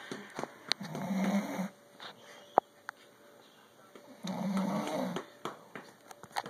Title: Snoring man